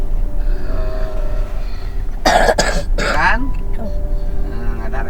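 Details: Two sharp coughs from a sick child, whose cough is attributed to drinking a lot of iced drinks, against loud rumbling background noise and faint music; cough.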